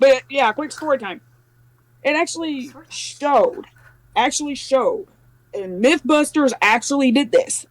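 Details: Adult speaker; normal speech.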